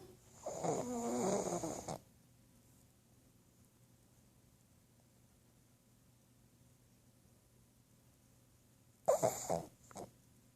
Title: Trying to wake snoring Sydney pug